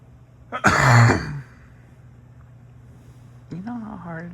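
A single loud, explosive cough burst from a cat, followed after a pause by a brief voiced sound.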